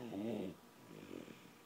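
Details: A sick 17-month-old toddler with stridor gives one harsh, crowing, high-pitched breath sound, then quieter noisy breathing.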